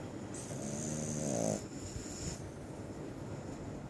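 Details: Sleeping dog snoring: a low, rattling snore on the in-breath with a quieter breath following, over steady room hiss.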